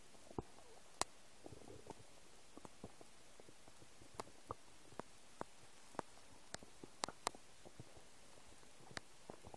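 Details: Noises of an empty stomach: quiet, scattered gurgles and clicks over a faint hiss; stomach rumbling (borborygmi).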